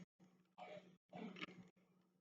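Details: A few faint, short coughs heard from a distance from an asthmatic child who is very sensitive to pollen.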